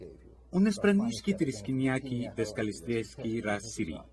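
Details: Acted, not real: a lecturer imitates meaningless jargon from a Three Stooges episode, where it is presented as pirate language, as a playful example of fluent aphasia (jargon speech).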